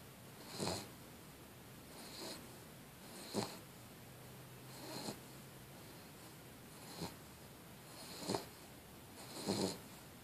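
Soft snorting snores in a quiet room, about seven in ten seconds, at an irregular pace: ordinary snoring during sleep.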